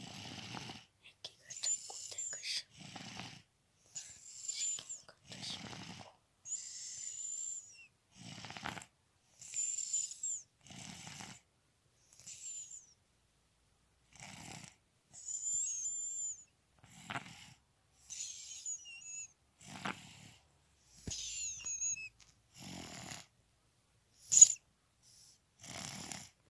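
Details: Soft, rhythmic snoring and snuffling breaths with faint whistling tones from a sleeping infant (third daughter) during a daytime nap; ordinary light infant snoring.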